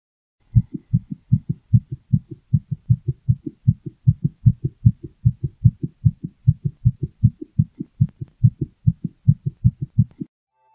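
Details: Calico pet cat's heart heard through a toy stethoscope; steady, rapid low thumps at about 150 a minute, with heart rate varying with the cat's mental state; normal heart sounds.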